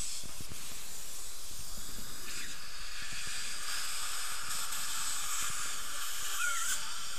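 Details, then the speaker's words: Steady hissing air-water spray as the mouth is rinsed during preparation of a fractured Ti-base implant abutment at tooth position 18. "that's where we were fulcrum off the teeth and prep we'll rinse it out"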